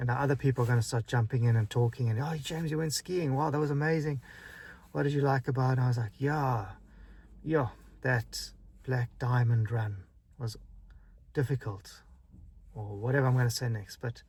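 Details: Stuttering in a man who has a stutter.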